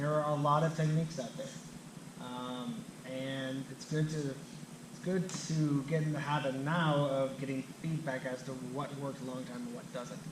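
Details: Adult man who stutters, himself a speech-language clinician specialising in stuttering and fluency disorders; stuttering.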